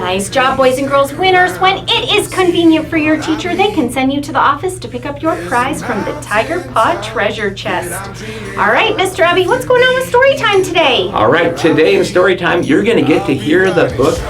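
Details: Adult speakers, school announcement; normal speech.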